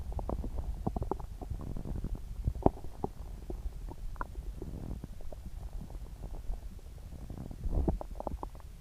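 Continuous low gurgling and rumbling from the abdomen, with frequent bubbling pops: loud, active bowel sounds.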